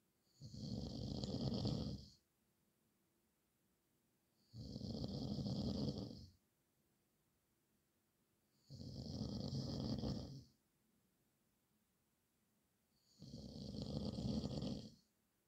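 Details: Loud, rough snores on each breath in, about every four seconds (about 14 breaths a minute), with quiet breathing out between them; nightly snoring.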